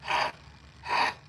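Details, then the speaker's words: Adult nearly recovered from a cold after two days in bed gives two short, breathy leftover coughs with a brief pause, described as sounding like a heavy smoker; cough. "still got a little little cough left over. A little bit of that like you can probably hear it still."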